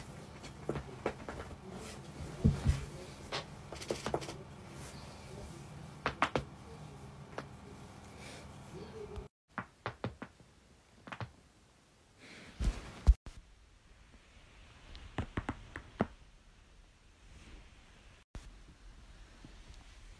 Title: cracking joints